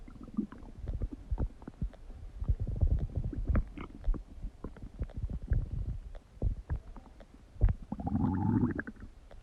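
Loud low gurgling and rumbling from the abdomen, with bursts and a long growl near the end: normal bowel sounds (borborygmi).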